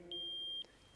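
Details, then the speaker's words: Non-contact forehead thermometer used for temperature screening: a single clear, high-pitched beep of about half a second as the device switches on or finishes its reading. "it's pretty straightforward there's a great big button on it to turn it on and then hopefully that will beep loud enough comes up with a smiling face there"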